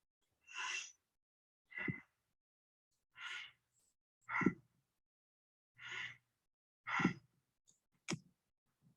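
Quiet, even breaths with matched inhalations and exhalations at about 20 a minute: a normal breathing pattern (eupnea).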